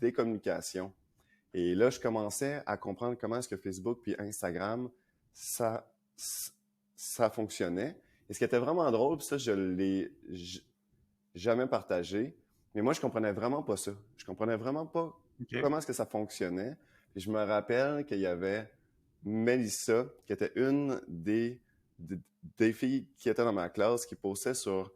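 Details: Adult man who lives with stuttering, speaking French; stuttering.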